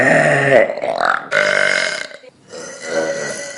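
Loud, long, low rumbling belches, several in a row; ordinary burping.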